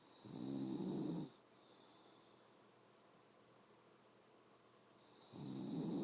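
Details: Adult mother snoring in sleep: rough fluttering snores on breaths in, roughly five seconds apart, with soft breathing between.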